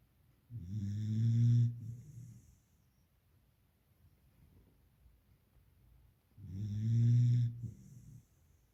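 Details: Beagle puppy in deep sleep snoring loudly: two deep, vibrating snores about six seconds apart, roughly ten breaths a minute, in a quiet room.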